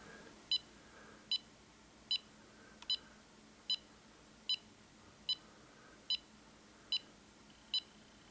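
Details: EMAY EMG-20 portable ECG monitor held in the hands for a 30-second recording, reading 75 bpm with no atrial fibrillation or abnormalities found; regular short high beeps, one per heartbeat; steady normal rhythm.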